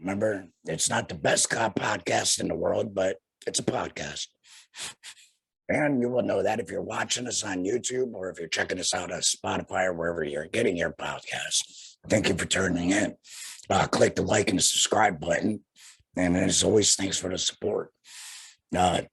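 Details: Young man, about two years after laryngectomy with radiation afterward, breathing through a neck stoma and speaking via a flanged, vibrating voice prosthesis in the esophagus; tracheoesophageal speech after laryngectomy.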